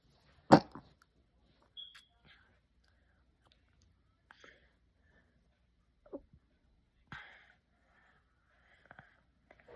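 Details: Infant with runny nose and cough on waking gives one sharp, explosive cough, then a few faint, soft sounds in a quiet room.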